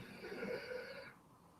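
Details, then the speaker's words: Snoring from an old dog with breathing difficulties, across a quiet room: a single harsh, rattling snore heard at a distance. "can probably hear my dog snoring in the background now. Is that what that is? There's a noise the whole time, and I'm like, is it your headphones?"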